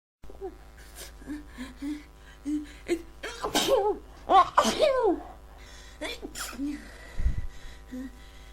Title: Congested Cold Sneezing